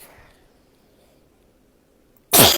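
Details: Someone sneezing on the person filming during a family color-guessing game: a quiet room, then one sudden loud burst of air at the end, a single sneeze.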